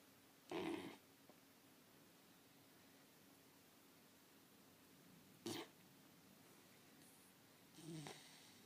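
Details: Sleeping person: three soft, short, noisy breaths spaced several seconds apart over quiet room hiss; light snoring.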